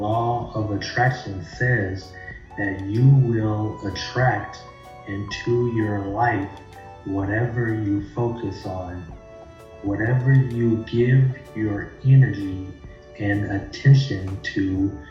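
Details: Adult male; fluent speech.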